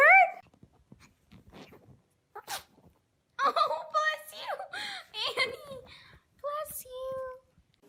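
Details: Compilation of pets sneezing, including a kitten: brief sharp animal sneezes amid an owner's talk in a small room; ordinary pet sneezing.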